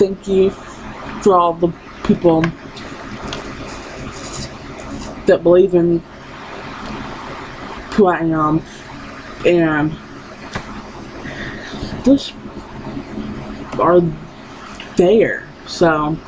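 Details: Young woman with lifelong stuttering that persists despite therapy; she cannot say her own name.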